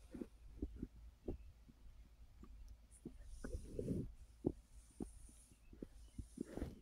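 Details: Adult resting on a full stomach after overeating following a gummy: soft intermittent clicks and gurgles with one longer gurgle over a low hum, bowel sounds (borborygmi) of digestion.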